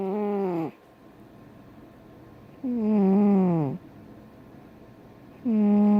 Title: BIG-CAT SNORING